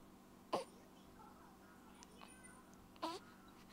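Two short, sharp voiced catches about two and a half seconds apart over quiet room noise; infant hiccups.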